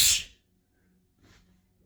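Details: Piggy sneeze: a single short, hissy burst followed by a faint second puff from a small animal; sneezing.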